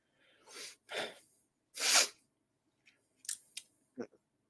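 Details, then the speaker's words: Sneeze during a live commentary stream while eating pizza: two catching breaths lead into one loud, explosive sneeze, followed by a few soft sniffs and mouth sounds. "If you don't hear it, they probably don't hear it. But chat, let me know. I gotta sneeze."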